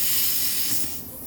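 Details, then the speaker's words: Oxygen concentrator's nebulizer with mask: plain strong airflow hiss, then medicine mist output once the drug cup is attached, said to run 5 to 10 minutes; nebulizer airflow hiss. "อันนี้เป็นลมธรรมดาจะเป็นลมแรงพอเจียบเข้าไปนี่ปุ๊บอันนี้ควันยาเป็นไออออกมา"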